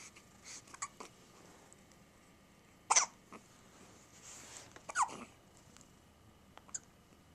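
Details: A bottle-feeding baby who hiccups about 10 times a day, often in the middle of the bottle: short, sharp, involuntary gulping catches recurring among soft breathing; hiccups.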